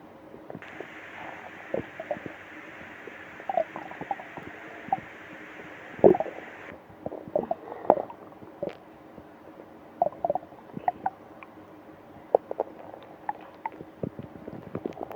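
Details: Stomach growling (borborygmi) during a stomach ache on a business trip: scattered small gurgles and pops with brief squeaks over quiet room noise and a steady hiss early on.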